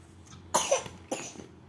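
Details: Two short, dry coughs from a young child who is learning to talk, with faint room noise.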